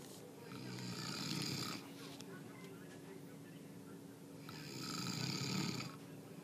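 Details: Dad snoring: two loud, harsh snoring breaths a few seconds apart, rough rattling on each in-breath with quieter breathing between.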